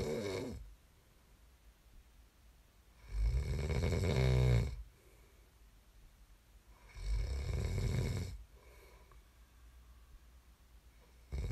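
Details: Snoring recording made as sleep ASMR: deep, rattling snores on each in-breath with quiet out-breaths between, about 15 breaths a minute; ordinary sleep snoring.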